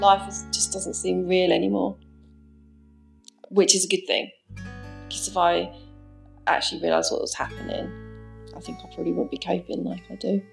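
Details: Ataxic dysarthria in a young adult man with ataxia, a rare degenerative cerebellar disease affecting speech, walking and swallowing.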